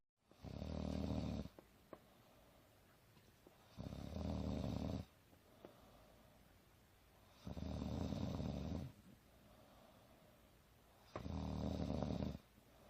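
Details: Mother napping on the couch, snoring loud and soft: four loud, rough, low snores about every 3.7 seconds, roughly 16 breaths a minute, with quiet breathing between.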